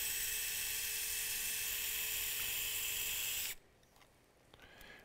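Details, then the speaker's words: Powered wire driver inserting a K-wire through the middle phalanx, centered and exiting the tip of the toe, during hammertoe correction with a PIP implant: steady high-pitched motor whine for about three and a half seconds, then stopping. "now we'll come distally and we'll go ahead and we'll put our k wire in from the in the middle phalanx and again i want to center it if i can and i want to come out the tip of the toe"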